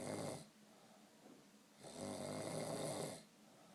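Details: Snoring in an adult after a few too many beers: two long, buzzing, rattling snores on breathing in, separated by a quiet pause.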